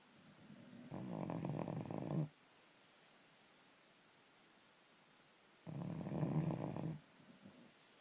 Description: 5-6 months old, and he can snore THIS LOUD! *egad*!!!!